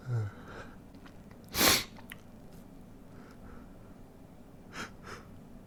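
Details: Induced sneeze, triggered by a stiff paper tag in the nostril: a quick sniff, then one sharp explosive sneeze, followed by a few soft breaths and sniffles.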